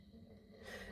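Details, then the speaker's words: Faint, brief snorting breath from an adult man asleep in the background: a fragment of snoring. "I'm sorry if you can hear someone snoring in the background. That's my other half. He's asleep."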